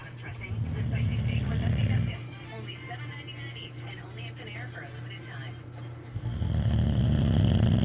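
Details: Two loud, low, rumbling snores from a sleeping Boxer dog, separated by a quieter pause, with television talk and music behind; snoring.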